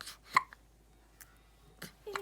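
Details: Newborn hiccups between one day and one week old: soft, brief catching sounds, a few over two seconds.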